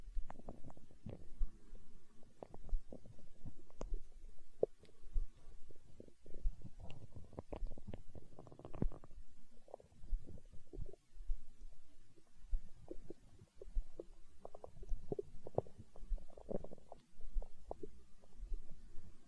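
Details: Hunger stomach growl recorded for ASMR: continuous low gurgling and rumbling with bubbly pops, rising and falling over twenty seconds; ordinary borborygmi.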